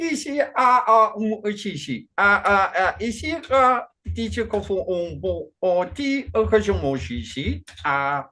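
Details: Man with Functional Neurological Disorder and foreign accent syndrome since 2019, alongside non-epileptic seizures, accent changing day to day, no control over output; today a Chinese-sounding accent during a bout of gibberish; functional foreign accent syndrome with gibberish speech.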